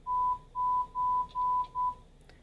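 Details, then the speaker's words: Pure-tone audiometry threshold test at 1,000 Hz on a young female patient in a booth: five short, evenly spaced pulsed beeps at the same pitch; threshold 0 dBHL. "She's young, so I'm going to start nice and low, where I think below where her threshold is. So I present the tone. She didn't respond, so I go up 5 decibels, and I present again."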